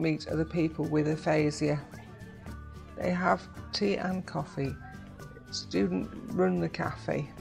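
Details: Adult narrator; Normal speech.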